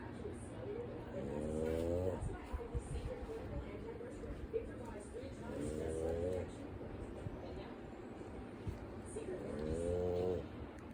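Groaning, slightly tonal snores every four seconds or so, about 15 a minute, over steady background rumble.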